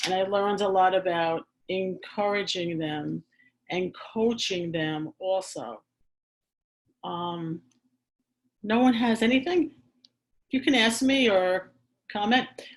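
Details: Adult who stammers, speaking in a real chat; stuttering.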